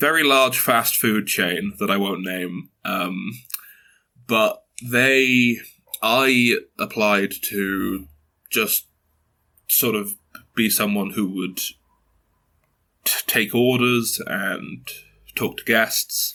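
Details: 22-year-old man who has stuttered since early childhood, mother also stutters, reports blocks and repetitions; stuttering.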